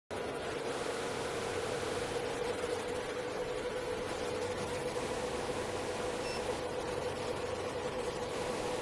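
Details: Portable diode laser hair removal machine (755, 808 and 1064 nm wavelengths) running: steady hiss of a cooling fan with a low hum.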